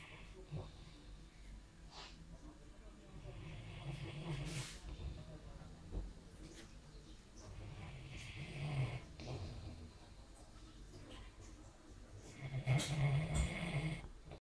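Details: Briard dog snoring like a human: low, rattling snores rising and falling with each breath, about three cycles over fourteen seconds, with some room noise.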